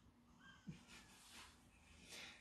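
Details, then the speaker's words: Dog snoring and snorting breathing: a female dog lying nearby during a live stream gives soft, low snorting breaths, with a brief louder snort amid quiet room noise. "A ja muszę wyjść z psem jeszcze na spacer właśnie przyszła tutaj mi chrapać słyszycie Nie wiem po prostu Live q&a bez mojego sapiącego psa to się nie liczył po prostu"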